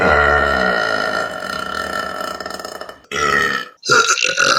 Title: Burping Compilation September #5 |